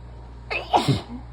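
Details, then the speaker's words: Person sick, run down and congested, sneezing in fits, sneezes covered tightly; allergies and rising pollen also mentioned: one loud, partly stifled sneeze with a sharp intake then a forceful burst. "whoa I'm gonna sneeze again that's what I've been waiting for oh I could feel that coming"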